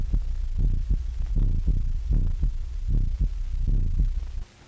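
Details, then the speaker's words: Low, regular thudding heart sounds in pairs, roughly 78 beats a minute, heard through an electrical (amplified) stethoscope with background hum, in an old Western Electric promotional film. "A whole room full of students or consultants can now listen to the same heart or body sounds at the same time, thus receiving a simultaneously accurate record of all sounds, whether of high or low frequency, without undue fatigue to the patient."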